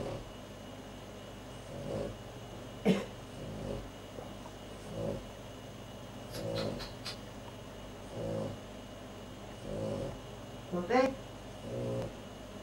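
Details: Soft, regular snuffling snores from a sleeping pet, roughly one every one and a half seconds, over a steady background hum.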